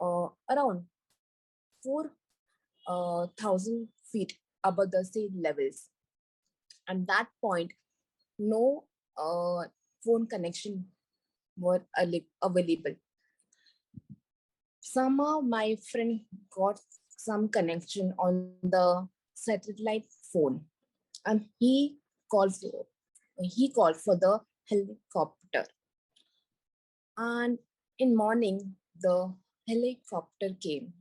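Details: Recovering global aphasia in a woman after a massive stroke on an Everest base camp trek, initially unable to speak, read, write or spell; about four years later after long speech therapy, residual word-finding errors and garbled words.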